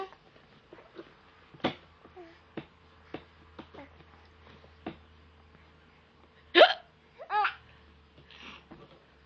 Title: baby laughing (mommy hiccup)